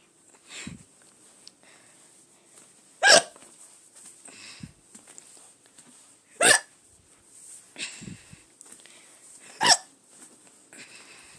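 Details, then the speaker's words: Person filmed on June 8th deliberately recording ongoing hiccups: three sharp, abrupt hiccups about three seconds apart, with softer breathing sounds between them. "okay please have another hiccup there we go okay uh uh"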